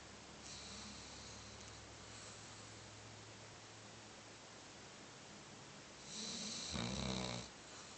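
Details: Sleeping subject snoring: soft breathy noise against a steady room hum, then one louder, rougher snoring breath near the end; snoring.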